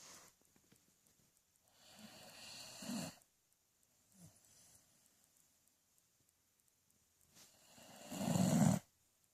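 Rough, rattling snoring breaths with quiet gaps between them, the last one loudest; ordinary snoring.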